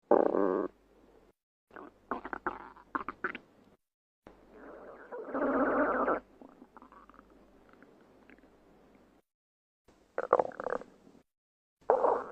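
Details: Stomach growling: irregular gurgling and rumbling bursts from the belly as gas and fluid move through the gut; borborygmi.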